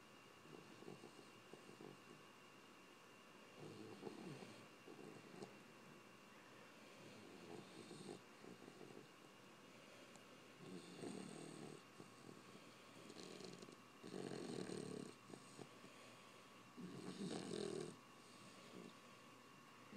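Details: Sleeping bully-breed puppy snoring: irregular soft rattling snores, some louder than others, over a steady background hum.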